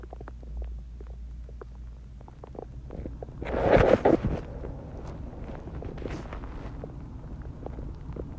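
Gurgling, bubbling rumbles with one louder gurgle amid fainter pops; normal stomach growling after a meal and drinking water.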